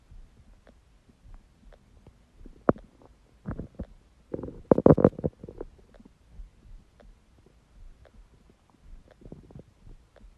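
Irregular gurgles and squeaks with a louder rumbling burst midway; ordinary stomach growling from an empty stomach.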